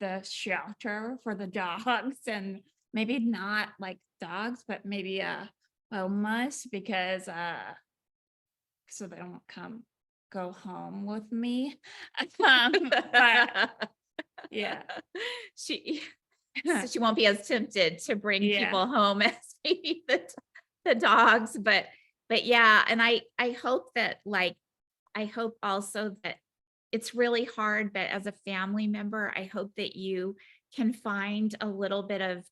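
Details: Woman about 4 years after a 2019 ruptured brain aneurysm with intracranial and subarachnoid hemorrhages that initially left her unable to speak, followed by 5 brain surgeries in 7 weeks; aphasia with apraxia of speech.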